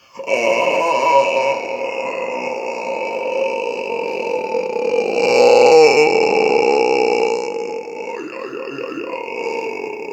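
One long, continuous, rumbling belch lasting the whole ten seconds, changing pitch as it goes: prolonged burping.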